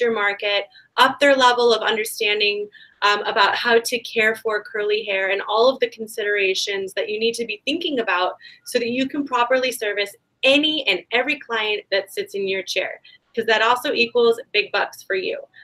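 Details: Adult woman speaking; Normal speech.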